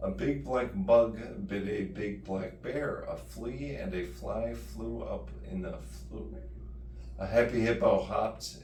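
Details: Slurred speech attributed to deep brain stimulation for essential tremor (DBS implanted April 2024), adult man at third programming tune-up about five months later, tongue tightness reported; dysarthria (slurred speech).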